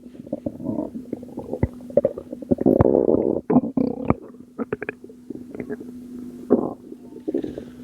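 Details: Bowel sounds recorded from a postpartum mother's abdomen at 2am, stomach still not going down: bubbly gurgling and rumbling with many quick pops and squelches, gas and fluid moving; stomach rumbling.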